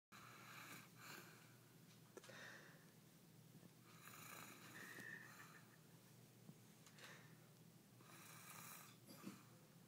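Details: Mild snoring in a sleeping person: quiet, slow, noisy breathing with soft rattling over a steady room hum.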